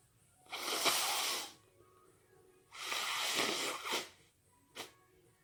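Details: Two long, hissing, wet sneeze bursts about two seconds apart, each trailing off, then a brief sharp sniff or click: wet sneezing.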